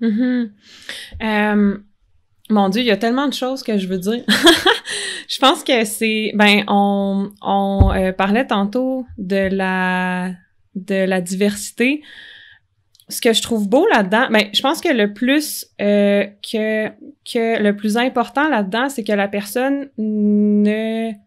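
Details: Cluttering in an adult man, a comedian, who only learned as an adult that speech therapy exists for cluttering; it is often mistaken for stuttering.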